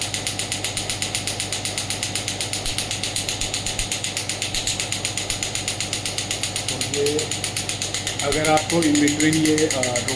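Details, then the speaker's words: Steady rapid mechanical clicking, about four pulses a second, from a Biotronix pneumatic radial shockwave (ESWT) handpiece firing in a demonstration after being lifted off the hand; brief background talk near the end. "तो यह इस तरीके से आपका shock wave का ये demo और parameters हैं।"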